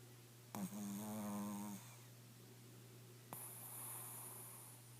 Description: is snoring